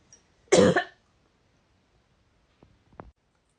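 A single loud, harsh cough burst, then quiet with two faint clicks; one isolated cough.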